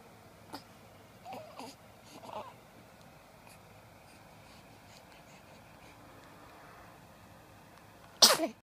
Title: Cutest sneeze ever